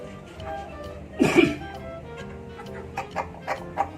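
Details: Fighting rooster with noisy, rattling respiration (ngorok), wounded after a fight and being treated with sambung nyawa leaves: a harsh cough-like burst, then short rattling breath noises.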